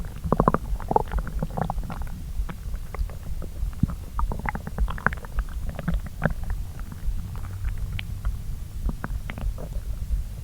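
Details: Normal borborygmi while digesting a pasta brunch after a long time on an empty stomach: steady low rumbling with frequent small pops and gurgles.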